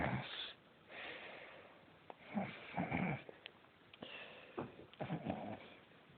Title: my cousin snoring loudly hehehe funny lol!!!!!!!!!!!!!!!!!!!!!!!